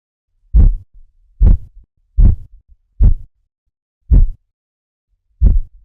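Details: Korotkoff sounds heard during a blood pressure reading, presented as a practice recording for working out the blood pressure.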